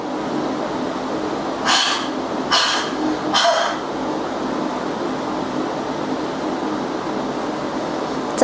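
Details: Huff cough (forced expiration technique) demonstration for airway clearance: after two normal breaths, a deep breath and a 2-second breath-hold, three breathy open-mouthed huffs in a row.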